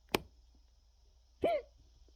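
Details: Two abrupt hiccups about 1.3 seconds apart, the second with a short voiced squeak, in a quiet room; the person filming has hiccups.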